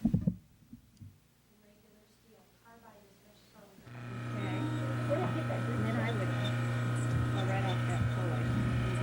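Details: Dental handpiece in 1984 dental assisting training footage, with burs discussed: steady high-pitched whine of a dental drill starting up and running, with a faint voice before it.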